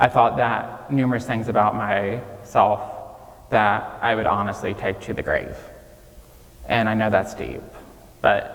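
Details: 26-year-old man with childhood apraxia of speech, nonspeaking until age 5 and diagnosed at age 5, treated with speech therapy five times a week; he says it may take him more time to say what he wants; childhood apraxia of speech.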